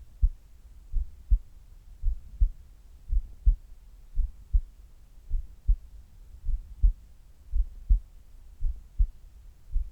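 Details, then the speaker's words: Man's resting heart sounds, recorded before sit-up exercise: slow, regular lub-dub at about 56 beats a minute; normal heart sounds. "まずは平常時の心音をお聞きください。それではどうぞ。"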